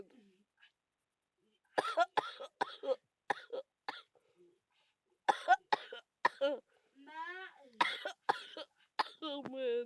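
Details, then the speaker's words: Several clusters of harsh, short coughs with groaning between, from an adult feeling very ill with a persistent bad cough and cold. "You might not know why I'm like this. It's because I still have the bad cough and colds"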